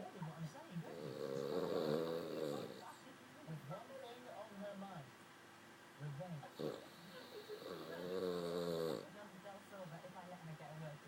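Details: Two long, buzzing, rattly snores on the in-breath, with quieter breathing and faint background voices between them; a dog snoring, said to get even louder than this.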